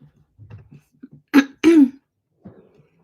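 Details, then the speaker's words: Adult woman live-streaming, still coughing from seasonal tree-pollen allergies though feeling better: two short, loud voiced coughs amid low throat sounds and a brief throat clear. "Feeling much better. I do still have a cough, but that's kind of related to my um allergic situation."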